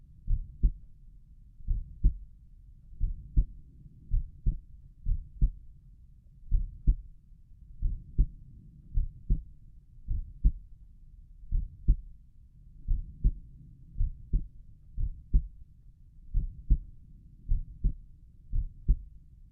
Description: This is just the sound of my heartbeat at Erb’s point while I lie down and try to relax.